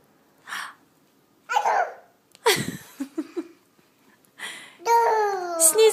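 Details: Several short, sharp, breathy sneezes with quick in-breaths, then a voiced squeal, in a quiet room.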